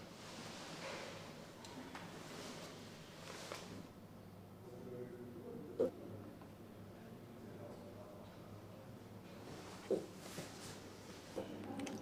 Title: Baby panda hiccups while falling asleep